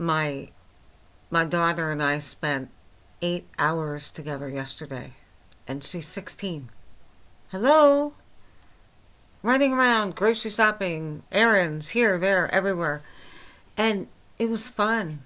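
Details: 49-year-old woman with myasthenia gravis since age 8 causing talking and swallowing problems, recorded without her usual speech appliance about two weeks after finishing Rituxan treatment; she says she feels much better and is understandable but not perfectly; flaccid dysarthria.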